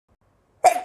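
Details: Indian girl with long-lasting hiccups, also sneezing: a single small, light cough after silence.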